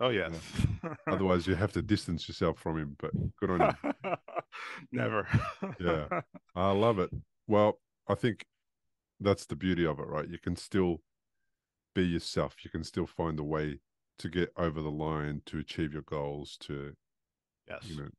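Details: Adult man speaking; typical speech.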